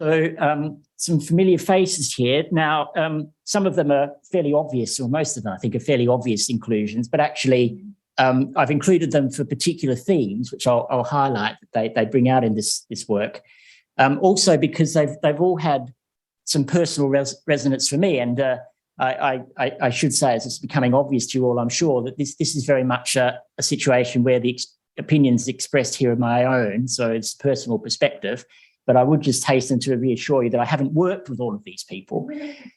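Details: Adult male lecturer; normal speech.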